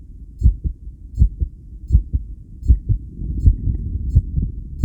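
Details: Self-recorded heartbeat via homemade electric stethoscope while on a 10-lead ECG after regulated breathing: strong paired heart sounds about 80 a minute with uneven spacing; tachycardia with extrasystoles, rhythm changes attributed to breathing.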